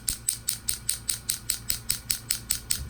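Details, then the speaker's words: Rapid, evenly spaced sharp clicking pulses, about five per second, from low-level shockwave therapy on a patient's chronically painful right ankle with an MRI-shown partial tendon tear, eight days into treatment alongside PRP injections: shockwave therapy device pulses. "I also recommended several sessions of low-level shockwave therapy which is exactly what we're doing today"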